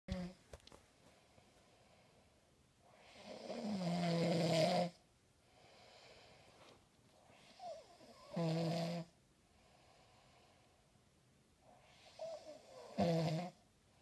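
Three loud, rough, low rattling snores on the in-breath, separated by quieter breathing, about 13 breaths a minute; snoring.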